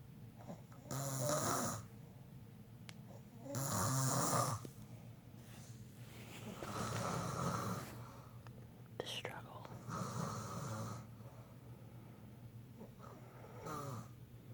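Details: Snoring: rough, rattling snores on each breath, about five in fifteen seconds, with soft whispering nearby; ordinary snoring.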